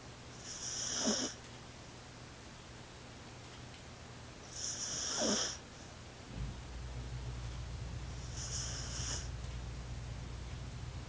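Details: A sleeping pet cat snoring: soft, high, whistling snorts, three in about eleven seconds, over a steady low room hum; harmless snoring.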